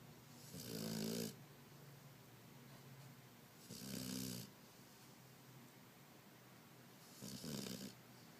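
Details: Sleeping dog snoring: regular rattling snores on each inhalation, about 19 a minute.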